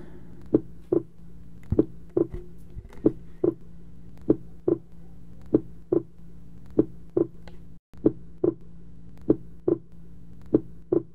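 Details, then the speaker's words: Teaching simulation of pulsus paradoxus, pulse volume falling significantly during inspiration, synchronised to heart sounds: paired heart sounds about 48 a minute over a steady hum. "if the pulse volume significantly decreases during inspiration it is termed as pulses paradoxes this is due to increased right ventricular volume during inspir"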